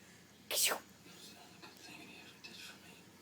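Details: Dog sneezing on command after repeated prompts from her owner: a single sharp, hissing sneeze burst, followed by faint breathing and room noise.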